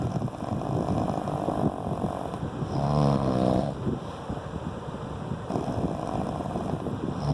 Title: Still snoring... I'll never sleep